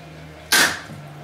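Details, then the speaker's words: Dog with a years-long allergic cough, worse when pollen counts are high, coughing on demand while her throat is rubbed: a single sharp, harsh, dry cough burst, described as bronchitis-type from allergy or asthma. "so that kind of cough is more of a bronchitis due to asthma or or do the kennel cough"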